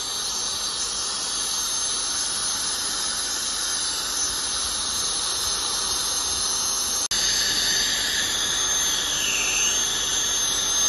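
Steady loud hiss of a dental air-polisher with a high whine from the scaler, briefly interrupted; routine dental cleaning.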